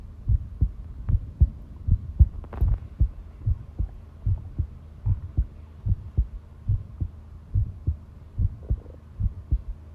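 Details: Long-duration heart sound recording: steady, regular low thumping heartbeat at about 75 beats per minute with a faint background hum; normal heart sounds.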